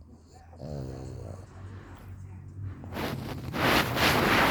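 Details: Sleeping dog snoring: a rattling, snorting breath followed by louder noisy bursts.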